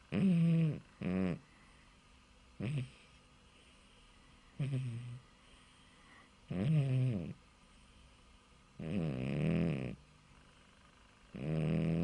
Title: My Cat Bob snoring!!